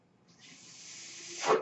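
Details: The speaker's own mechanical ventilator, which they say is the noise heard: a soft airy hiss builds steadily, then ends in a louder whoosh as it delivers a breath.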